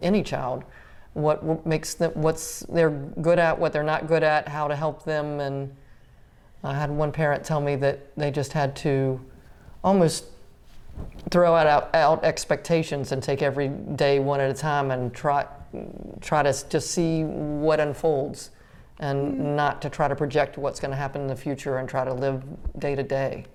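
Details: Adult woman speaking; typical speech.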